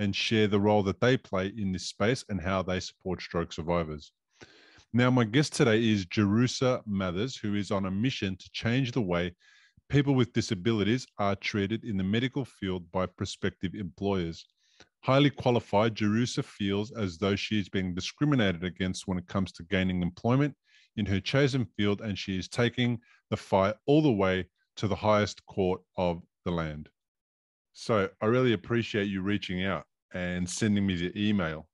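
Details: Adult male speaker; typical speech.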